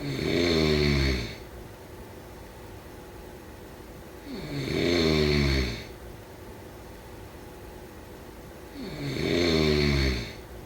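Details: Three loud, rattling snores on inhalation, about 13 a minute, with quiet exhalation gaps; snoring during sleep.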